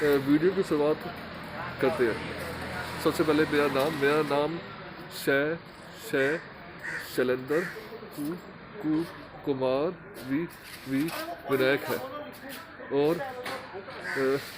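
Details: Man who stammers, recording a stammering association course task on emotional recovery; stuttering.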